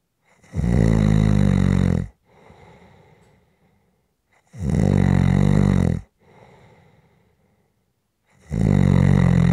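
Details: Loud, rumbling snoring on each in-breath with a soft out-breath between, about 13 breaths a minute, steady throughout; snoring recording for rest, relaxation and sleep.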